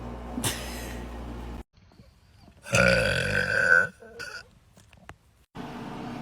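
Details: Deliberate burping from a burp compilation: a loud, rough belch lasting about a second, with shorter bursts and background noise around it.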